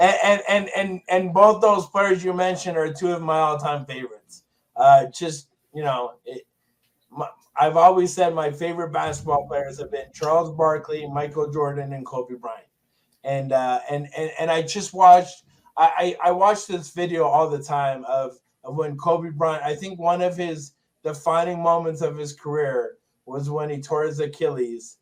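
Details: Stuttering in an adult male with Tourette syndrome; significant stutter since a toxic brain injury in 2000.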